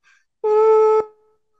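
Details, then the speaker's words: A steady, even-pitched hummed "beep" of about half a second, imitating the constant tone of tinnitus a woman first noticed in college, later diagnosed with hearing loss and sensitivity to certain sounds: vocal imitation of tinnitus. "a constant *beeep*. And he said, ‘No, I don’t hear that.’ Rogers: Decades after she first noticed her tinnitus in college, was diagnosed with hearing loss, that includes sensitivity to certain sounds."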